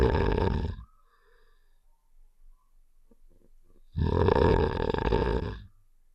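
Two long, low, rough rumbling snore-like sounds about three seconds apart, with near silence between them, from a cartoon game sound effect.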